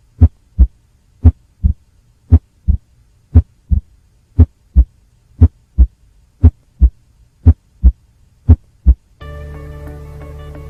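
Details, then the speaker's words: Cardiovascular exam teaching clip: low, dull heart sounds in a three-beat gallop rhythm with a faint extra sound after S2, third heart sound (S3 gallop), described as characteristic of decompensated heart failure; music near the end. "su presencia es lo que denominamos como ritmo de galope y es característico de la insuficiencia cardíaca descompensada"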